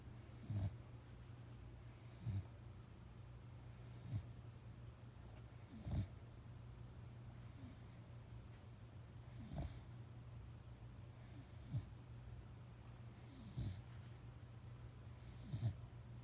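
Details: Sick dog snoring: rhythmic snores at about 33 breaths a minute, each with a low rumble and a hissy edge, over steady room hum.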